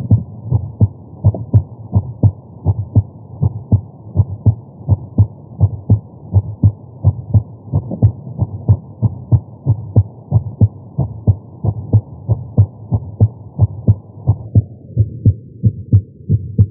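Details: Heart sounds recorded with a Stemoscope electronic stethoscope at the tricuspid area while lying on the chest during chest pain; steady paired beats about 90 a minute over a faint hum, nothing clearly abnormal.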